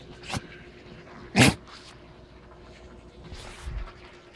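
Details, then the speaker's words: A sick puggle dog, unwell with sniffing, coughing and choking, gives a few short, explosive sneezes separated by quiet room noise. "that's what I'm talking about he keep sneezing"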